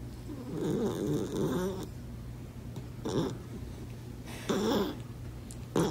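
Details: Loud, rough, rattling snores, about three breaths in six seconds, from a sleeping dachshund with missing teeth and weight issues, over a steady low room hum; snoring.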